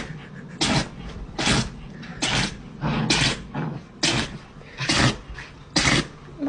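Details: A rapid run of about seven sharp, explosive sneezes from a small pet, repeating roughly once a second; sneezing.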